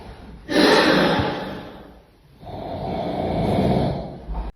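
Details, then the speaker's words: An older man snores very loudly in his sleep: a long harsh inhaled snore, a brief pause, then a second rattling snore. "Horluyor yanlış, kükrüyor doğru. Şu adamı uyandırın da rahatlasın. Uyurken yoruluyor."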